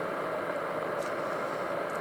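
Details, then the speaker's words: Steady hiss and hum from a WellO2 home breathing exercise device warming water to make steam before a ready signal; breathing device heating water. "And now we can hear what happens. The water is warming there,"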